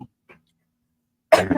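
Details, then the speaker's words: Person who has never smoked but has a cough sounding like a heavy smoker's: a single loud, rough cough after a pause, cut off at the end; chronic cough. "And yet here I am blessed with the worst sounding smoker's cough in existence. I sound like a dying whale that smoked 15 packs a day for its entire existence."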